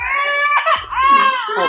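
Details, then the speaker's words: Infant crying with tears while waiting as a bottle took too long to warm, though reportedly just fed in the car: loud, tonal, sustained wails with brief catches, a hungry cry. "yeah she has tears it took too long to warm up that bottle"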